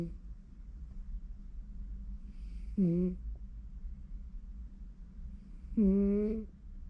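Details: Two soft, buzzing snores about three seconds apart from a sleeping cat during home office, over a steady room hum; ordinary cat snoring.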